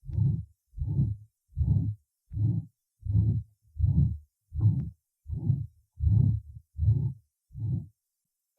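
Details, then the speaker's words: Apical systolic murmur in a patient with left ventricular papillary muscle lesion: regular heartbeat around 80 a minute with a low, rough systolic murmur at the apex. "представлен другой вариант систолического шума на верхушке зарегистрированный у больного с поражением сосочковые мышцы левого желудочка"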